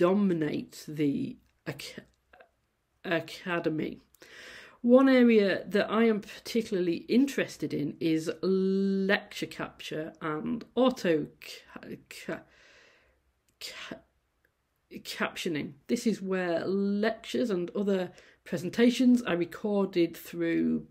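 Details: Adult female university lecturer who says she stammers; sound repetitions and prolongations at word starts; stammering.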